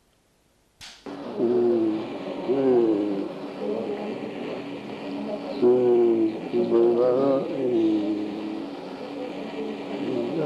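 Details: Classic jargon aphasia: fluent, incomprehensible speech with unrecognisable words (neologisms) and marked logorrhoea; jargon aphasia.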